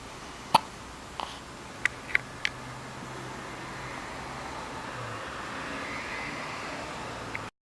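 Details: Hiccups: several short, sharp, irregularly spaced hiccup sounds over steady room noise, ordinary hiccups.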